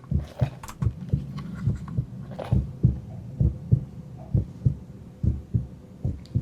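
Regular deep paired thumps of a heartbeat, about 67 a minute, played through speakers.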